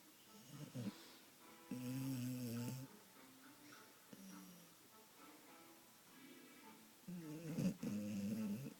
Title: Snoring dog!